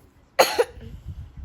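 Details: Child coughing, given medicine and vitamins for the cough: a single sharp cough burst with a short second catch, then quiet room noise.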